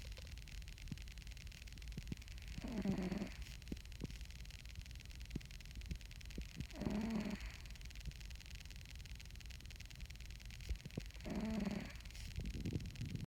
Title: Big Osk. Snoring Cat